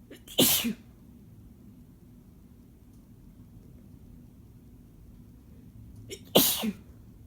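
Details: Two sharp, forceful sneezes from an adult man, each with a brief intake of breath before the burst, in a quiet room; ordinary sneezing.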